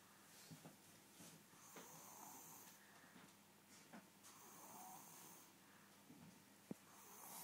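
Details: Snoring during sleep: slow, rasping breathing noises that rise and fall with each breath, over faint room noise.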